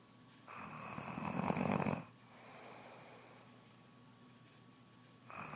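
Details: Pregnant woman who began snoring soon after becoming pregnant: loud, rough, rattling snoring on the in-breath, about every five seconds, roughly 12 breaths a minute.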